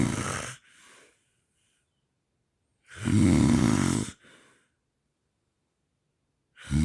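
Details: Loud, rough snores on breathing in, each followed by a soft breath out and a silent gap of about two seconds; heavy snoring with sleep apnea.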